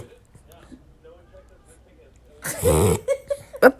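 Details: Recurring harsh, honking snort followed by a few short sniffing snorts from a female Chavachon dog (Cavalier King Charles spaniel x bichon frise), present since puppyhood: reverse sneezing.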